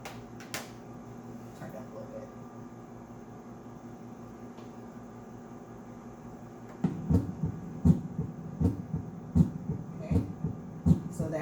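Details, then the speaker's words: Normal S1 and S2 at the aortic area, second intercostal space, on a heart-sound simulator torso: regular lub-dub at about 80 per minute after a steady hum. "your aortic at the second intercostal space"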